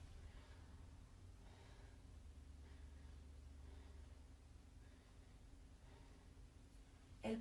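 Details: Lung auscultation through a stethoscope: soft, faint breathing swells over a low steady hum, ending in a brief knock; normal breath sounds.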